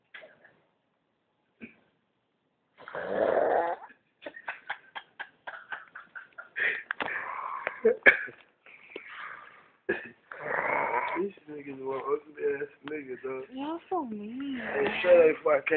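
Loud rasping snore bursts mixed with clicks, snorts and whistling throat sounds; exaggerated, comic snoring.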